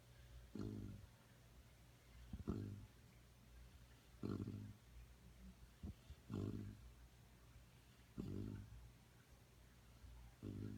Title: Bilou is snoring